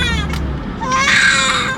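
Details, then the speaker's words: Fussy, high-pitched crying from a young baby girl with an upper respiratory infection, in the car on the way to a pediatric appointment, with car noise underneath: infant crying. "I know Mama okay y'all as y'all can see she's very very fussy"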